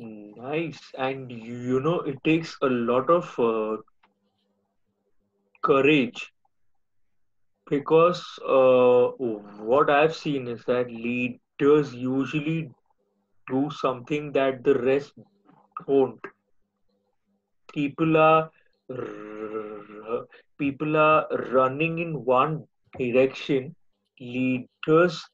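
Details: Adult male speaker; speech.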